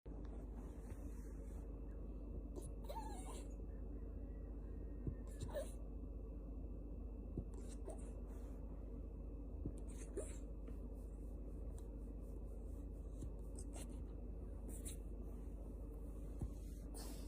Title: Those tiny hiccups and that little sound.. my heart can’t handle it #dog #puppy